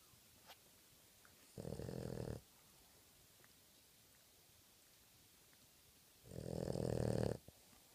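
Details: Sleeping dog snoring: two loud, rumbling snores several seconds apart in a quiet room.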